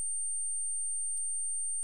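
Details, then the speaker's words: Simulated tonal tinnitus: a steady, high-pitched, constant single-pitch pure tone, one of seven common tinnitus types listed by the American Tinnitus Association. "L'American Tinnitus Association déclare qu'il existe sept types courants d'acouphènes, allant du bourdonnement, du rugissement, du tonal,"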